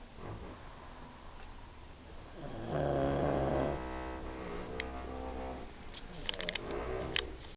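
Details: Two sleepers, a brother and a friend, snoring together: a loud, rattling snore with a steady low buzz, among softer breathing and brief clicks in a quiet room; snoring.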